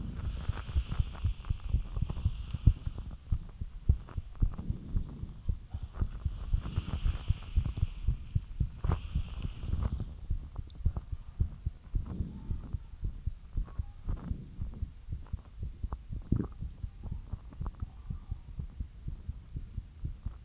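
Rapid, deep thumping heartbeat at roughly 110 beats a minute, a normal quickened rate after light exercise.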